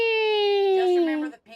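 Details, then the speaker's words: Sick adult man with asthma: single high, squeaky musical tone sliding slightly downward over about a second, an inspiratory wheeze audible to others, like a squeaky toy. "ness and you have asthma like I do you can wheeze and everybody can hear it my wife could hear it clearly uh and I was just breathing and she's like yeah you your lungs are struggling"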